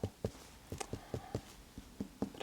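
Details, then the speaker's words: Finger percussion of the abdomen during a real-person head-to-toe annual checkup of an adult woman: hollow, drum-like tympanic notes throughout, normal; slight dullness over the descending colon, attributed to stool, as she has had no bowel movement today; no masses. "otherwise, it sounds tympanic throughout. Yeah, I'm not concerned with any other masses."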